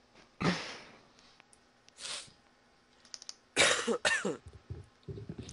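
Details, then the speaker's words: An adult warns they are about to sneeze, then gives two sharp, explosive bursts followed by rougher voiced, cough-like bursts in a small room; sneeze. "it's going to completely kill CL you have to think hold on I'm about to sneeze hold on oh my"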